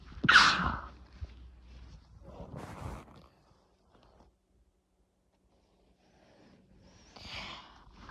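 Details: Sudden forceful sneeze with breathy after-sounds, a quiet pause, then a softer sneeze-like exhalation.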